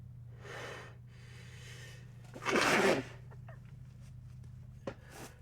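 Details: A sharp, explosive sneeze burst after a quick breath in, with softer breathy sounds around it in a quiet room; ordinary sneezing.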